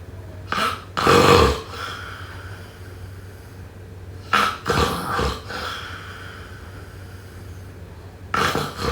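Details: Snoring during sleep: loud, rough, rattling breaths recur about every four seconds, roughly 15 a minute, with quiet gaps between them.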